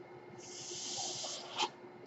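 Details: Person on a mechanical ventilator speaking on a podcast: a steady hissing rush of air swells and then stops with a brief puff, one machine-delivered ventilator breath cycle.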